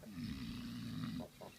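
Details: Pig at an ostrich farm in Melitopol: a single low, rumbling snore-like grunt followed by two short snorts.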